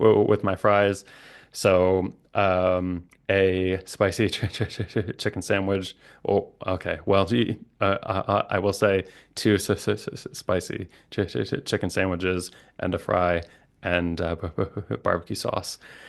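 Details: Adult man, a licensed speech-language pathologist who stutters, with repetitions and blocks; stuttering.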